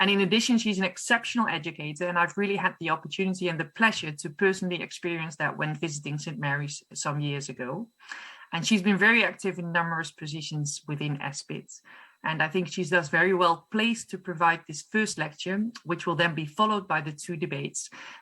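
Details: Adult woman; Normal voice.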